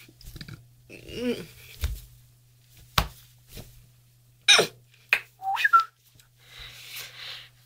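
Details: Adult woman with Tourette syndrome, prolonged whistling vocal tic; she says her tics were worse but are calming a little while still present; vocal tics (whistling) in Tourette syndrome.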